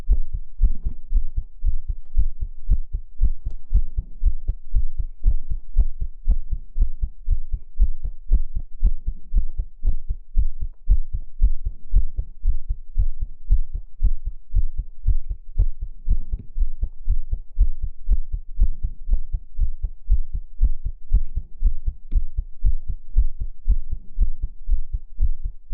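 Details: Steady, soft, low thumps in an even lub-dub rhythm, a regular heartbeat presented as a womb-like relaxation sound; whether it is real or simulated is not stated.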